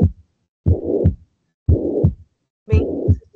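Heartbeat near 58 a minute, with a rushing murmur filling the gap between first and second sounds: systolic murmur of mitral regurgitation.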